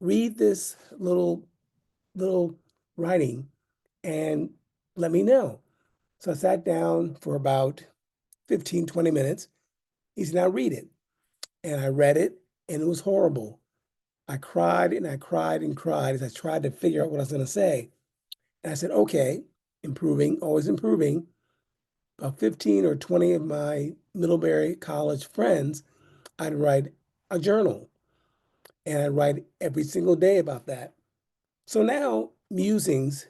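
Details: Adult man with aphasia due to a stroke in 2016, almost nine years earlier.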